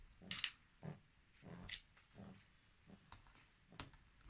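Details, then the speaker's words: Snoring from a little one; the owner says he sometimes breathes strangely, which worries her; snoring. "H voilà mon bébé. Il ronfle petit"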